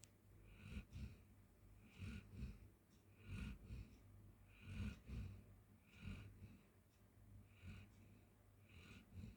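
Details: Golden Retriever sleeping on the floor: soft, regular, low snuffling snores at roughly forty breaths a minute, with faint whistly snorts.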